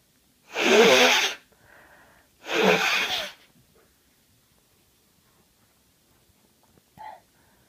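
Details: Day one of a head cold with sneezing, nose blowing and sniffling most of the day: two loud, explosive sneezes a couple of seconds apart, then quiet sniffing and a brief nose sound.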